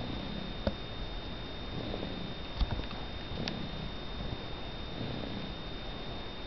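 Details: Snoring.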